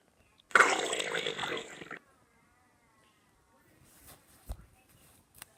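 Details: A single rumbling stomach growl lasting about a second and a half, then quiet with faint rustles; stomach growling (borborygmi).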